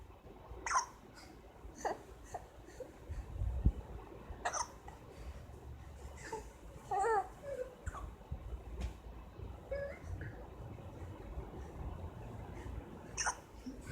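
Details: Excited infant babbling, broken by several brief, sharp hiccups spaced a few seconds apart over about 14 seconds.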